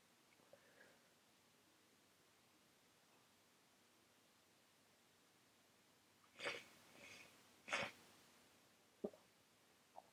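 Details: Person with a very runny nose who can't stop sneezing: a quick run of three or four sharp sneezes in succession in a quiet room.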